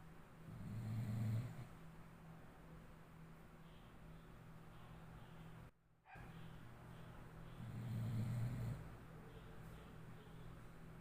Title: Boo Snoring XD #powerdirector